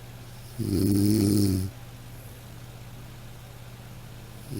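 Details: Snoring from a sound-effect recording: one loud, rough, vibrating snore on a breath in, then quiet, over a steady background hum.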